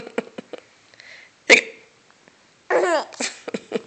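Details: Sharp, sudden catch-like bursts with short quiet gaps, then a little giggling, from a young girl; repeated hiccups.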